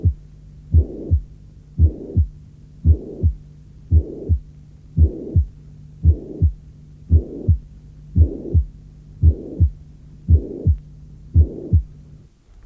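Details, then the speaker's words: Mitral regurgitation: a regular heartbeat near 57/min with a loud holosystolic murmur filling all of systole, from the first heart sound to the second, possibly extending slightly beyond the second. "On a longtemps insisté sur le caractère holosystolique du souffle de régurgitation mitrale."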